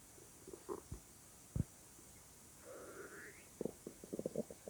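Soft gurgles, a rising squeaky rumble and short bubbling pops over faint hiss: ordinary bowel sounds from gas and fluid moving.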